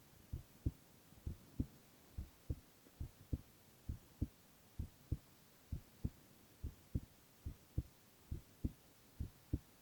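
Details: Boy's heart sounds, ASMR recording: steady paired lub-dub heartbeats at about 67 a minute, clear with no extra sounds; normal heart sounds.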